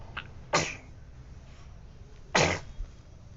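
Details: Sneezing in an infant girl: two small, sharp sneezes about two seconds apart with a faint breath between, in a quiet room.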